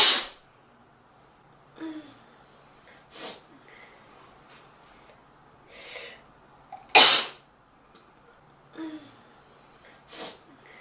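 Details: A model gives four sharp, forceful sneezes, several preceded by short catching inhalations, in a quiet room: repeated sneezing.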